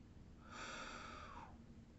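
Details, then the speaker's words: A single noisy, airy snort-like breath about a second long, rising and fading over quiet room noise; the owner says this dog often snores: dog snoring. "mon chien celui que vous entendez ronfler souvent"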